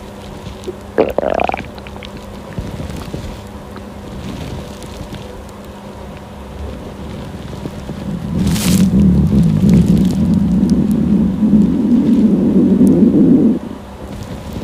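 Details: Hungry girl's stomach growling: a low, drawn-out gurgling rumble building over several seconds with faint background noise; hunger borborygmi.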